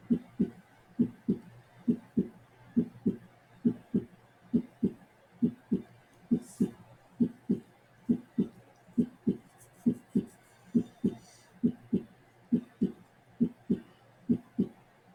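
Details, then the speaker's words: Extra heart sound heard best at the apex with the patient in left lateral position: regular heart sounds about 67 beats a minute with a galloping rhythm, S3/S4 gallop. "okay now please note when you document things like an S3 or an S4 or a Gallop or an extra heart sound you don't have to provide the diagnosis you just have to be able to recognize that you're hearing extra sounds and document what you're hearing"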